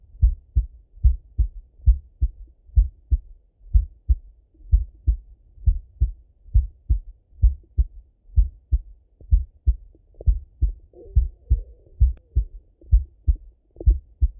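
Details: Male full heart auscultation: steady soft low thumps at about 64 beats a minute, no extra sounds between beats; normal heart sounds.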